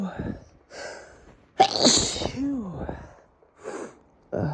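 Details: Male with sniffles sneezing repeatedly: a loud explosive sneeze followed by a drawn-out voiced sound, with sniffing, snorting and panting breaths around it; sneezing.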